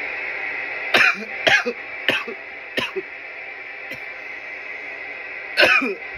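About six harsh, explosive coughs in a fit over six seconds, an irritant cough after smoking. Steady background hum.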